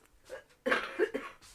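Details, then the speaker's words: Cough: a short run of harsh coughs in a small room, with faint movement sounds before them. "you won't be able to hear it over calf coughing."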